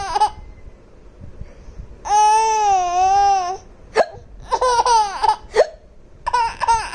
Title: Laughing on hiccups/hichki